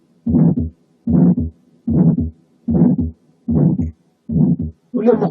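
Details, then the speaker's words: Mild aortic stenosis: regular heartbeat about 75 a minute with a brief, slightly harsh ejection systolic murmur; the very short murmur length indicates mild severity. "كل ما كان الايورتيك ستينوزس سيفيرر كل ما كانت الميرمر اطول، مش اعلى، اطول، بحيث ان very short ejection systolic murmur تساوي very mild aortic stenosis. نسمع بقى حالة mild aortic stenosis."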